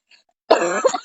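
A single forceful, voiced cough burst after a faint sound; an acted cough, not a real one.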